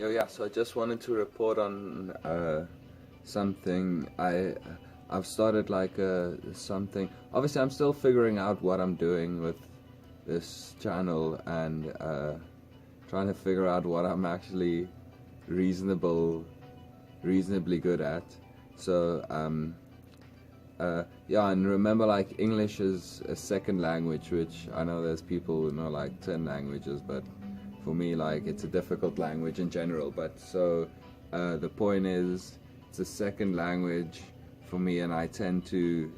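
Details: Adult man speaking English as a second language who stutters a lot, also in his home language, with word repetitions and filler sounds used to cover struggles; stuttering.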